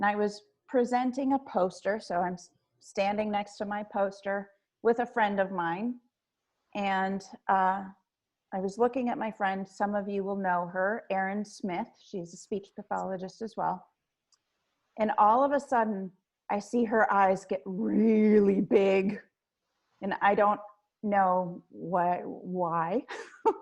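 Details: Adult woman speaking; normal speech.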